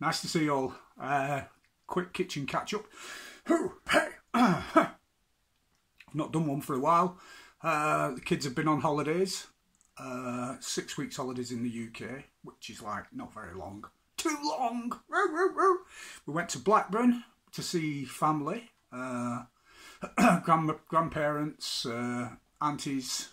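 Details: Adult man with Tourette syndrome; interjected vocal tics occur during his speech. Finding: vocal tics (Tourette syndrome).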